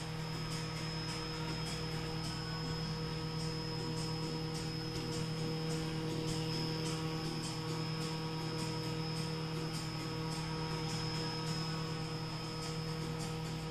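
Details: Used, tested KD Scientific KDS230 Legacy Multi 115V syringe infusion pump with foot pedal, holding up to ten syringes: a steady electrical hum with faint, fast regular ticking from the motor running normally.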